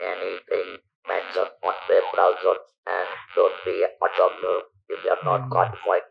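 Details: Male survivor of stage 4 vocal cord (throat) cancer since 1997, natural voice lost after surgery, about 10,000 days since; speaks using an electrolarynx device; electrolarynx speech.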